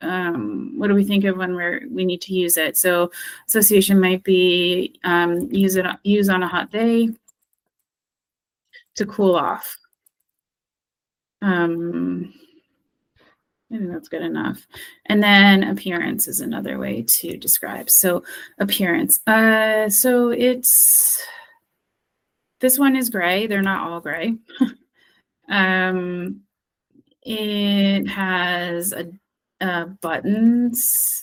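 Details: Acted: a speech-language therapist role-plays a person with expressive aphasia after stroke, describing an object's features when unable to retrieve its name; anomia with circumlocution (expressive aphasia).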